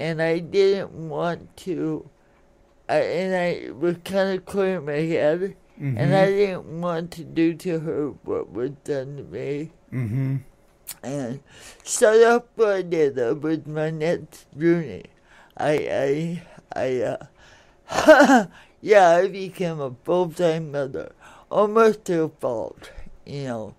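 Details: Dysarthria from congenital cerebral palsy in an adult woman born in 1959, caused by oxygen deprivation to the brain during a delayed birth; it affects her speech and motor skills, and some listeners have difficulty understanding her.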